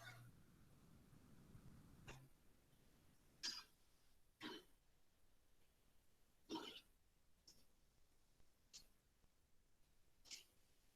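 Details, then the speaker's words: Several short, dry, harsh coughs from pigs, repeated frequently, with animals not moving and some with watery eyes. A classic case of swine influenza: dry cough. "ahí vemos un caso clásico de la influenza porcina tos seca frecuente ahí vemos los animales"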